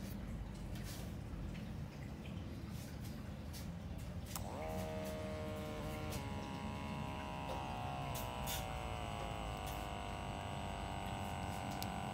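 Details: Automatic digital blood pressure monitor cuff inflating during a comparison of wrist and upper-arm devices, over quiet room noise: a small pump's steady whirring hum whose pitch slowly falls.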